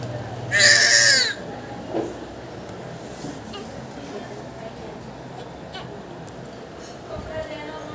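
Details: Newborn baby boy just after normal delivery, during umbilical cord cutting and stomach wash in hospital: strong high-pitched newborn cry, then quieter cries over room noise and background music.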